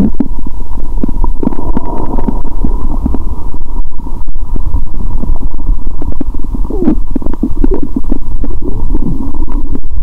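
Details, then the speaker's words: Stomach sounds through a stethoscope on the abdomen after eating Mentos and drinking cola: continuous low gurgling and bubbling with frequent clicks and pops, active, hyperactive-sounding bowel sounds. ""Let's hear the sound of the stomach ♪". The growl of my stomach is amazing."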